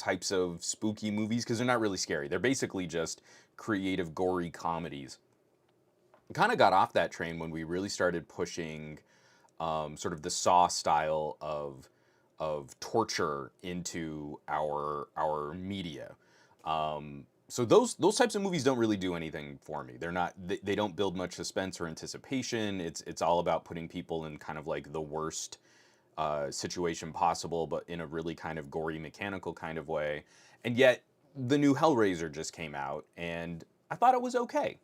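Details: Adult podcast host who stutters, saying his stutter is starting to kick in; stuttering with word and part-phrase repetitions.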